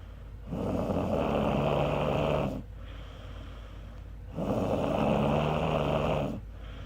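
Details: Woman napping on a couch, snoring very loudly: rough, rattling snores on long breaths, about 16 breaths a minute, with quieter pauses between them.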